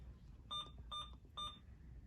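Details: Three short electronic beeps as settings are keyed into an Alaris IV infusion pump, programming a secondary infusion of 500 cc per hour over two hours, in a quiet room; infusion pump keypad beeps.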